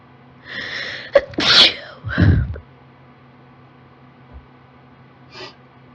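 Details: Girl with allergies sneezing after turning on a desktop computer: a sharp intake of breath, then two loud, uncovered sneezes close together; part of an allergic sneezing fit.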